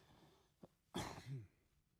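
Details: A cat takes a small sharp intake of breath, then gives one quick explosive sneeze, a normal sneeze reflex.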